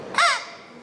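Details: Whistling sound from a 3rd-class schoolboy who swallowed a whistle while playing; doctors found it lodged in his throat and removed it surgically: airway foreign body (inhaled whistle).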